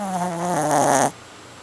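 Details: A single drawn-out, tonal snoring sound lasting about a second, with a wavering, slightly whistling pitch that drops midway before cutting off; consistent with snoring.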